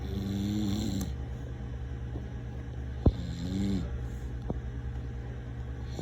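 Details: Adult man (father) sleeping: two slow, low rumbling snores on inspiration, separated by quiet exhalation, over steady room hum; ordinary snoring.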